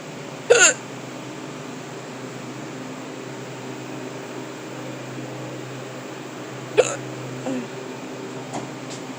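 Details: Persistent hiccups that started while stocking a cooler at work: sharp, abrupt gulping hiccup sounds, about three to four across nine seconds, over steady room hum.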